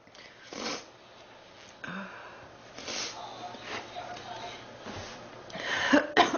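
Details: Girl sick for three weeks, feeling hot and unwell; a few rough coughs and throat-clearing sounds in a small room.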